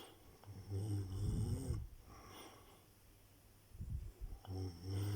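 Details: Rough, rattling snores recur with each breath, separated by quieter exhalations; typical snoring during sleep.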